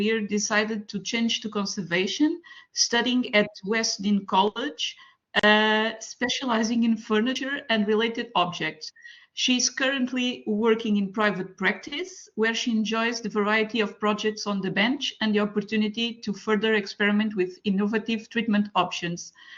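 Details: Adult woman speaking; normal voice.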